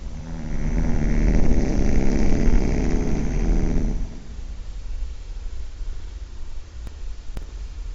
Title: Bad case of snoring.. really loud